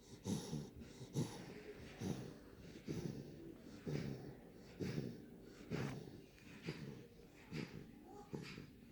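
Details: A sleeping 9-week-old Daniff puppy snoring, with quick, fairly regular, rhythmic snorting breaths at about 65 a minute: snoring.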